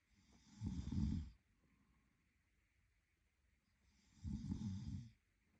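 Two low, rough, rattling snores on the in-breath about three seconds apart, with quiet breathing between: ordinary snoring.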